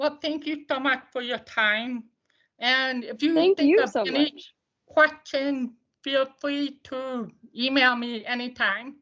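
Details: Deaf speech of an adult woman who uses a service dog; she attributes how her voice sounds to not hearing the way others do.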